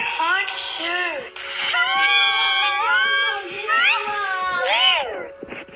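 Sustained high-pitched wailing cry in rising and falling bursts, with a steady hum in the room behind it; an infant crying.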